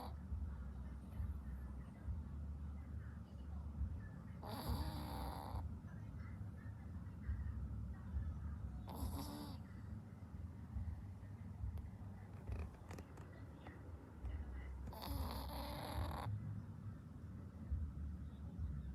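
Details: Snoring: irregular rough snoring breaths, about three in twenty seconds, over a steady low background rumble.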